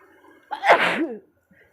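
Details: One loud, voiced sneeze with a sharp explosive onset trailing into a throaty sound.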